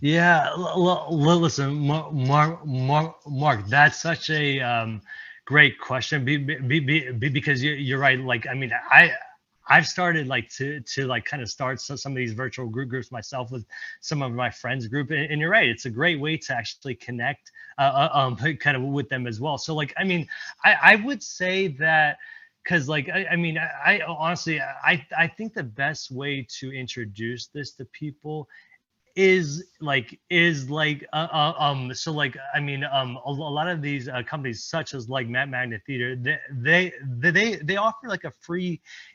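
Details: Presenter at a stuttering-community event, speaking during an improv presentation, with repetitions; stuttering.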